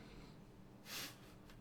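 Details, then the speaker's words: Sleeping dog snoring loudly and woofing in its sleep in the background: one brief, noisy snorting breath over low room hum. "I don't know if you guys can hear it but our dog is snoring really loudly in the background and woofing in his sleep barking yeah doesn't bark any other time really"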